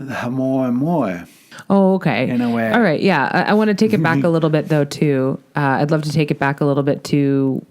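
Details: Adult woman; fluent speech.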